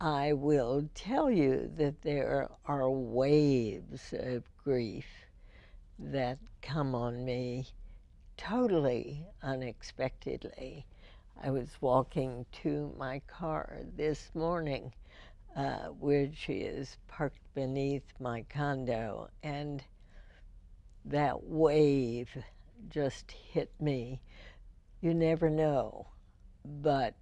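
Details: Adult female with spasmodic dysphonia diagnosed in 1998, treated every four months with botulinum toxin injections into the vocal cords; spasmodic dysphonia.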